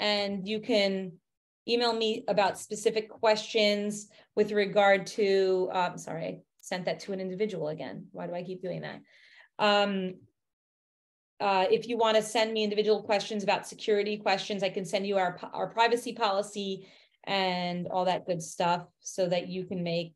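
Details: Adult woman speaking; no speech disorder.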